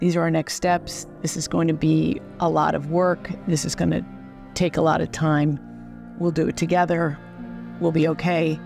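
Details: Adult woman; Normal speech.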